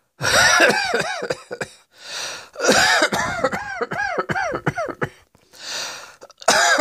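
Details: Coughing fit: about a dozen harsh coughs in repeated bouts, separated by deep whooshing breaths in.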